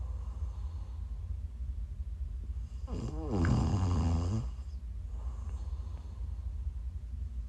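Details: A single rattling, snorting snore of about one and a half seconds over a steady low hum, recorded during a live stream while the snorer was sick: snoring.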